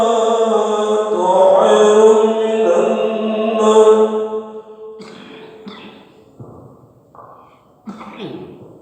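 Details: Man coughs during a sustained chanted loudspeaker call waking worshippers for dawn (subuh) prayer: call breaks off into a few short, rough bursts of coughing and throat clearing; itchy throat tagged.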